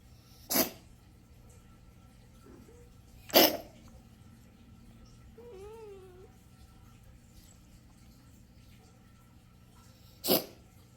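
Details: A kitten, coughing or sneezing: three sharp, brief, well-spaced sneezes with a soft meow between them; kitten sneezing.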